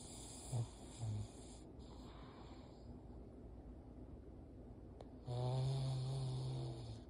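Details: Pug puppy napping comfortably: soft snorting snores, short ones and then a longer droning one, over a steady background hiss; snoring.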